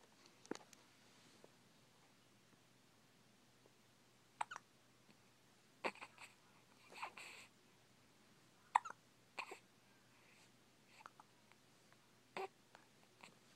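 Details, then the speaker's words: Hiccups in a girl, who gets them many times a day, shaking her whole body: soft, brief, abrupt catches recurring every one to two seconds in a quiet room. "literally always gets the hiccups she has the hiccups right now"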